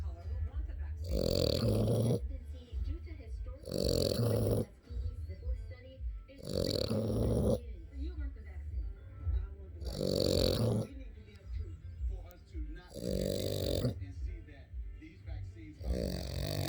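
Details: Boxer puppy snoring: loud, rough, rattling snores repeating about every three seconds, roughly 20 per minute, with soft background music.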